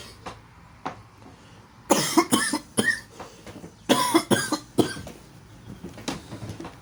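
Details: Gamer coughing after smoking kief: two harsh bouts of about three forceful coughs each, plus a few single coughs between; irritated coughing from inhaled smoke.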